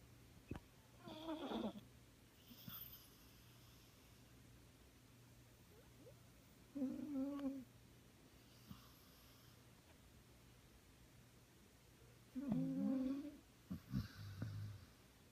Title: Snoring Puppy